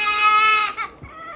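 A baby's loud, high, strained wail, then a falling sob and quieter whimpering.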